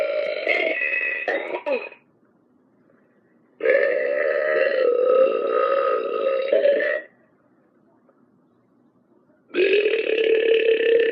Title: Burping DOG!